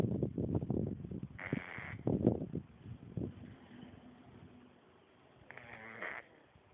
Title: cat sleeping and snoring funny